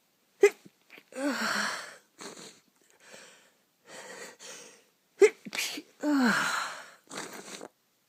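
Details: Person with a cold sneezing repeatedly: two sneezes, each a sharp intake of breath followed by an explosive burst, with sniffing and breathy sounds between them.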